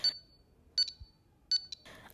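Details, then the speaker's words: Pulse oximeter desaturation alarm during preventive maintenance testing: high-pitched electronic alarm tones triggered by setting the SpO2 low-alarm threshold above the tester's own SpO2. "on va régler le seuil bas de l'alarme de SpO2 à une valeur supérieure à notre propre valeur de SpO2 et on vérifie le déclenchement de la larme de désaturation"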